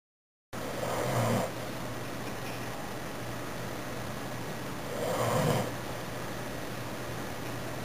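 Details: Female pit bull sleeping, giving two loud rumbling snores about four seconds apart over a low room hum; ordinary dog snoring.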